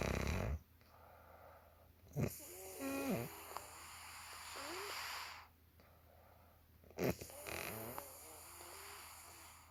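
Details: Mom's snoring: two rough, rattling snores with a slight whistling edge, about 12 breaths a minute, over steady room hiss.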